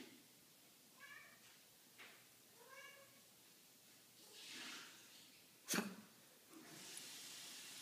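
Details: Cat coughing at night: two soft chirps, then a hissing exhalation and one sharp explosive cough.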